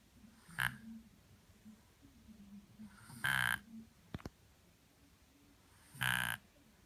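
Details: Sleeping toddler giving three short, harsh snoring breaths with quiet gaps between them; snoring.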